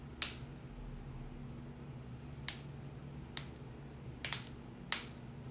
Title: loud back crack and more cracking compilation vol.1